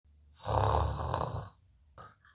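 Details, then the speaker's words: Person snoring loudly in sleep, described as struggling to breathe: one loud, rough, rattling snore on a breath in, lasting about a second, then a shorter, quieter snort. "உங்க ரூம்மேட்டும் இந்த மாதிரி குரட்ட விடுறாரா? இது normal தான்னு விட்டறாதீங்க. இது சத்தம் மட்டும் இல்ல அவரு சுவாசிக்க கஷ்டப்படுறாரு."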